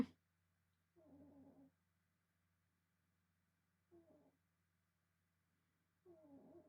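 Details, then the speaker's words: Snoring from a cat sleeping behind the speaker; the owner suspects a vivid dream or trouble breathing. Loud, rasping, slightly tonal breaths recur every two to three seconds over a steady room hum. "I don't know if you can hear that yeah cat snoring behind me very loudly she's either having a really good dream or she's having a hard time"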